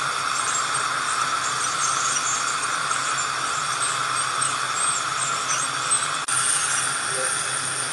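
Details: Steady high hissing whine with suction noise; an ultrasonic scaler removing unusually heavy tartar (dental calculus) from a female patient's teeth.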